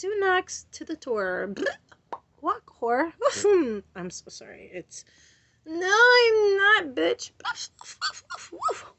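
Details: Adult woman with sudden uncontrollable vocal and motor tics that she says lock her body and make her stutter; recently taking Benadryl and medical marijuana, plans neurologist visit; exclamations and swearing; vocal tics with coprolalia.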